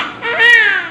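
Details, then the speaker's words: Newborn after normal vaginal delivery, just given vitamin K and hepatitis B vaccine: brief, high, tonal cry rising and falling; a strong, ordinary cry. Newborn cry. "Hwag iiyak ha ang bilis na buti nagpadala ako agad Sorry ito na po eh umiyak po"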